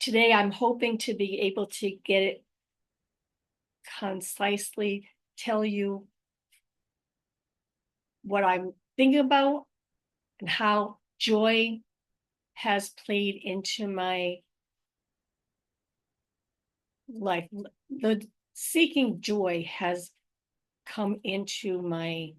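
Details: Adult woman with aphasia, apraxia of speech and dysarthria after a stroke in May 2019, with ongoing difficulty speaking, reading and writing; repeated words in this stretch. Finding: post-stroke aphasia with apraxia of speech and dysarthria.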